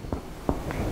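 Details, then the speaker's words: Three short, muffled finger-percussion taps over the cardiac region of the chest, giving a dull, flat note compared with normal lung resonance: normal cardiac dullness on percussion. "Aquí tenemos la resonancia normal del pulmón y aquí la matidez cardíaca,"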